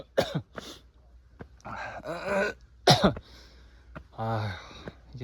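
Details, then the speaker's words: Several harsh coughs with throat clearing and strained, breathy groans from an exhausted adult hiker on a steep mountain fortress-wall trail, on a 34°C day with water running out; sudden onset of coughing. "날이 온도가 올라가고 물이 떨어지고 하니까 아 지금 기침도 나고 체력적으로 많이 힘드네요"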